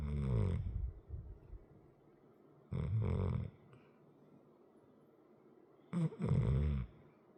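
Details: Large 100 lb muscular dog with a chronic crusty nose, asleep: loud rattling snores on each breath, about three in several seconds. Ordinary dog snoring.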